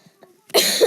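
One short, harsh cough burst after a brief quiet pause.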